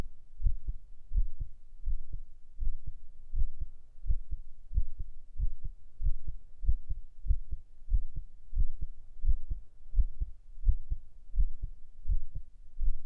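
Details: Binaural ASMR heart-sound recording: a steady, soft, regular, unhurried lub-dub at about 86 beats a minute; a normal heartbeat.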